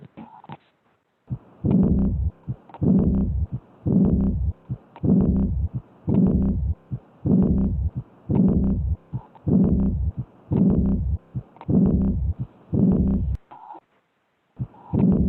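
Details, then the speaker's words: Pediatric diastolic decrescendo murmur in a child: regular cycles with a normal S1, then a harsh, dragging murmur after S2 that fades through diastole. "yes this is a diastolic murmur if you listen closely and then again like i said this is tricky if you listen closely you'll hear the first sound a normal s1 and then you hear s2"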